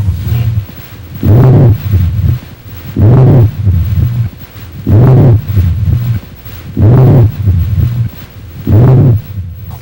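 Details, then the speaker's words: Rhonchi over the chest: low-pitched rumbling sounds with each breath, about 32 per minute, from vibration of bronchial walls suggesting secretions in the large airways; seen in bronchial asthma, bronchitis and localized obstructions. "sons graves originados pela vibração das paredes brancas que sugerem a presença de secreções nas grandes vias respiratórias são encontrados em pacientes com asma brônquica bronquite e obstruções localizadas"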